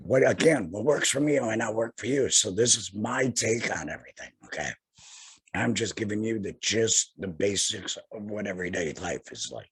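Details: Tracheoesophageal voice in an adult man about two years after total laryngectomy for head and neck cancer, speaking via tracheoesophageal puncture by finger-occluding his stoma/HME.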